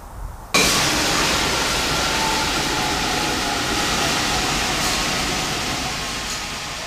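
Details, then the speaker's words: MRI magnet quench: the superconductive wires turn resistive and heat up, the main magnetic field collapses, and liquid helium boils off rapidly, heard as a sudden loud, sustained roaring hiss with metallic clanking like gas venting under pressure. "when this happens the main magnetic field quickly collapses and all the magnets liquid helium boils off at a very rapid rate this is called a"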